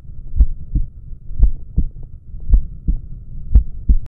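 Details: Heartbeat: steady, regular paired lub-dub heart sounds at about 57 beats per minute, with a low hum in the background.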